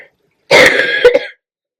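A single harsh throat-clearing burst with a brief cough-like ending, from an adult with a sore throat.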